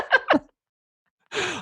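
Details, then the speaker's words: An adult man imitates obstructed sleep breathing as from inflamed tonsils and adenoids blocking the throat: strained snorts, a silent pause, then a harsh gasping intake. "tonsils and adenoids absolutely what happens those become inflamed and make they block the throat"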